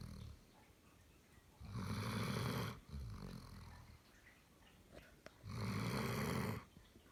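Loud rattling snores from a sleeping dog, each lasting about a second, with quieter breaths between; snoring.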